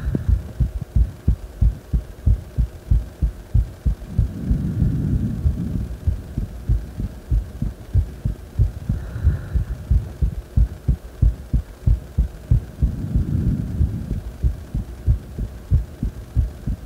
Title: 心臓音・ディープスクワット後の仰向け録音